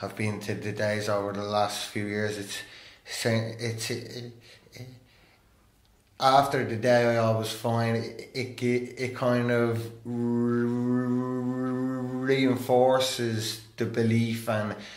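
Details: Adult man who stammers, openly disclosing his stammer and attending therapy; stuttering.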